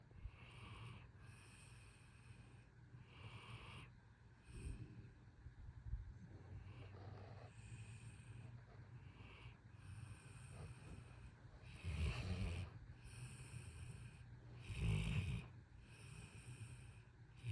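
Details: Pit bull dog snoring at bedtime: soft, rhythmic, low rumbling breaths with a few louder snorts and a faint background hum.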